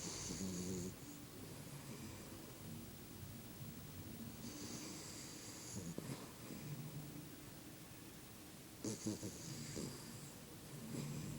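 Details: Dog snoring.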